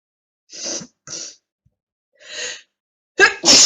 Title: attack of the sneezes